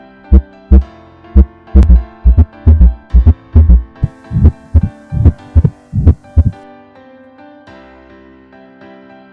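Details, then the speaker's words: Normal heart sounds at the mitral area, auscultated with the stethoscope diaphragm at the apex, fourth intercostal space 1–2 cm medial to the left midclavicular line; S1 is louder than S2. "evaluasi bunyi jantung satu dan bunyi jantung dua normalnya pada katup mitral bunyi jantung satu lebih keras dibanding bunyi jantung dua"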